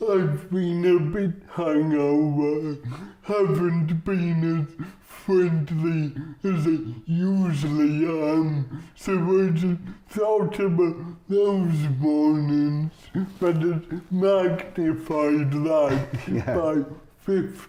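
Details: Adult man, comedian with cerebral palsy, real patient; dysarthria due to cerebral palsy.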